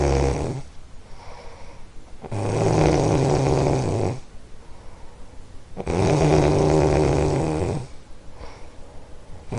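Long, loud, vibrating snores lasting about two seconds each, roughly 17 a minute, with softer breathing between them. Heavy snoring.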